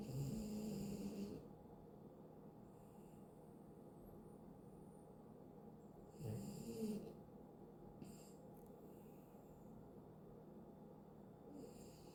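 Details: Chihuahua dog snoring in deep sleep: soft, low snoring breaths with two louder snorts among quieter breathing.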